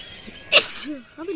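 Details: A single sharp, hissing sneeze burst outdoors, with quiet background sound before and after.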